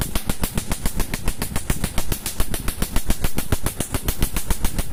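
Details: Rapid, regular snapping pulses, about three to four a second, from a laser firing over the skin during permanent tattoo removal on an adult man, with music in the background.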